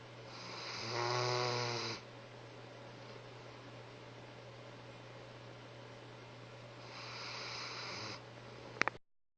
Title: Snoring baby.